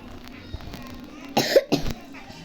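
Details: Two short harsh cough bursts over faint background sound; an acted cough in an Indonesian comedy skit.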